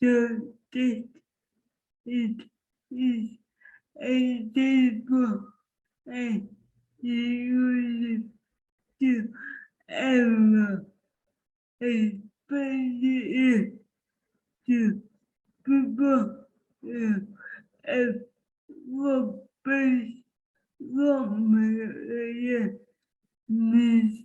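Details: Person with cerebral palsy who uses an AAC communication device, speaking with her own voice before switching to the device; dysarthria.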